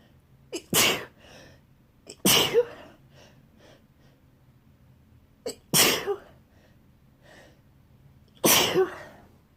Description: Woke up with a tickle in my nose and here we are Again with this wet sneezing fit in bed...( with noseblow in the middle of the vid )